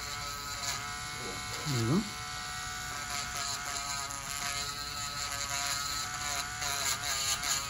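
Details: Continuous high buzzing whine of a rotary nail drill, pitch shifting as it grinds: reducing severely thickened fungal toenails of a male patient on dialysis for one year with high blood pressure; samples were sent for lab testing.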